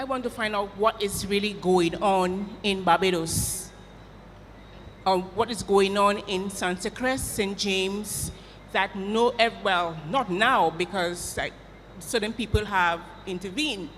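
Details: Adult woman speaking; Normal voice.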